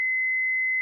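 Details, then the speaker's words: Steady high-pitched charged tone from an Efficia DFM100 monitor/defibrillator in manual defibrillation mode, demonstrated with external paddles on the patient's bare chest after pressing charge; paddle shock buttons flash, ready to shock, and no one should touch the patient. "then press the charge button on the paddle the on shock buttons on the paddles flash to indicate the defibrillator is charged"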